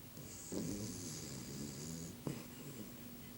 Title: Doggie snoring